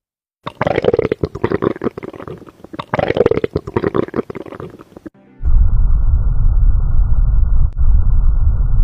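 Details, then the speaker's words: Low, continuous rumbling and gurgling from the abdomen after a stretch of music, an educational example; bowel sounds. "let's learn bow sounds together make sure to save these for your next exam"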